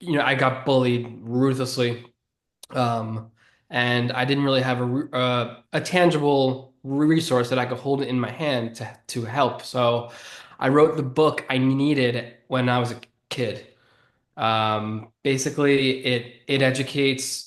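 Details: 33-year-old man who has stuttered since about age seven or eight; he calls it predominantly neurological and relatively normal, not severe. Finding: stuttering.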